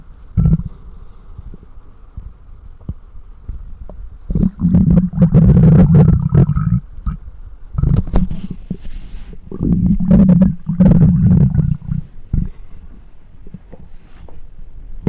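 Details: Stomach growling recorded with a close microphone: loud, low, gurgling rumbles in several long bursts with quieter stretches between, ordinary gut movement; borborygmi.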